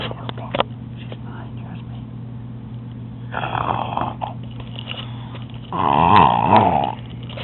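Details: A woman gives loud, rattling snores with a buzzing, throaty quality over a steady room hum; snoring.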